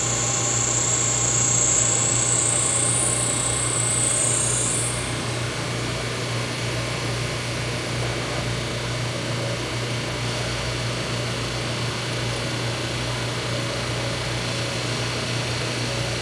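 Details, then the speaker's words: Steady low mechanical hum and whir with a brief rising hiss as a home oxygen concentrator kicks on; oxygen concentrator running. "That's my oxygen generator kicking on. Y'all wonder what the hell that noise is."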